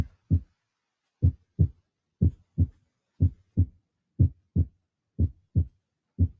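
Regular paired low thumps, a lub followed by a dub, at about 60 beats a minute. The second sound of each pair is S2, the normal closure of the aortic and pulmonary valves; it can be split because the aortic valve closes slightly before the pulmonary valve.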